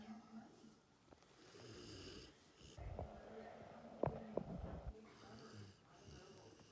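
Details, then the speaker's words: Snoring in a resting dog lying on his couch: low, rattly, fluttering snores, some breaths with a whistly edge, repeating in uneven cycles. "He plopped down on his couch and he is snoring right now. How does the dog do that?"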